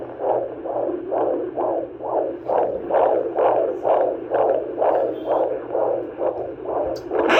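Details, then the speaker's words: Fetal heartbeat of a baby girl at about 33–34 weeks' gestation on Doppler ultrasound at a prenatal visit that included a 3D ultrasound: rhythmic whooshing pulses at about 130 a minute, normal. "we got our 3D ultrasound we heard the baby's heartbeat and everything"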